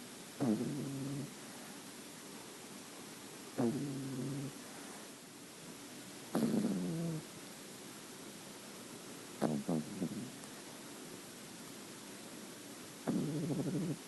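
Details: Nine-week-old female white-cream French Bulldog puppy sleeping: five low rumbling snores, about one every three seconds, in time with slow sleeping breaths, in a quiet room; snoring.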